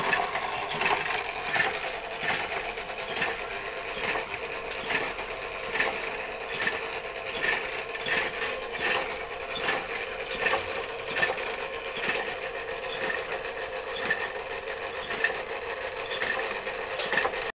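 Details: Steady motor hum with rapid, fairly regular mechanical clicking from a homemade DIY mechanical ventilator built for the COVID-19 pandemic, in operation.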